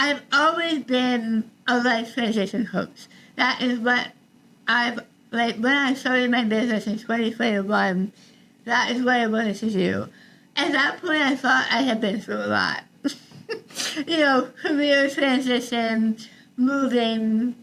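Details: Adult woman about 3 years after treatment for stage 4 tongue cancer: over half of tongue removed and rebuilt with forearm skin graft, neck dissection, 6 weeks radiation and chemotherapy; some listeners cannot understand her; articulation disorder after partial glossectomy.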